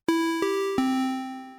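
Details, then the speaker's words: Redesigned hospital alarm tone: a flat amplitude envelope replaced by a more natural percussive envelope with sharp onset and exponential decay. Heard as three struck chime-like tones that ring out like clinking wine glasses. "by changing the amplitude envelope to something more natural you can go from this to this"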